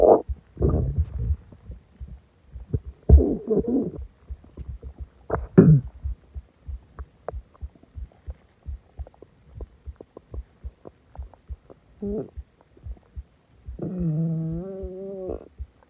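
Irregular gurgling and groaning rumbles with a few drawn-out tonal growls; loud stomach growling, harmless bowel sounds after a large meal.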